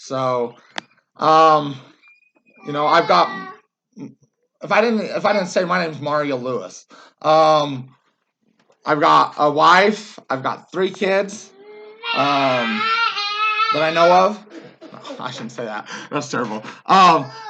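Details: Adult man, a former soldier, with Tourette syndrome whose tics got much worse after military service; vocal tics with word repetition (Tourette syndrome).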